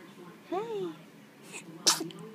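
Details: A tired dog sneezes once: a soft whine, then one sharp, hissing burst of air; the dog smiles and then falls asleep.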